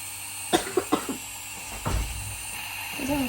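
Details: 3-month-old infant with a cough and cold during a baby massage session gives a quick series of short, soft coughs, then a wetter, throaty cough; infant cough.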